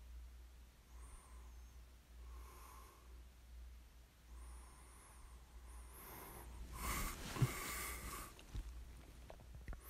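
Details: Person snoring during sleep, recorded for ASMR: slow, soft breathing with light rattling snores on some breaths and a steady low room hum.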